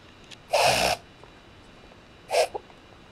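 A sharp, honking snort of noisy air followed by a shorter second one, fitting a reverse sneeze in a dog.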